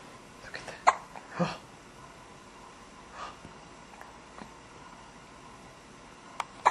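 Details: Newborn girl, about 15–17 days old, newly holding her head up, with a few sharp, abrupt hiccups at irregular intervals in a quiet room; infant hiccups.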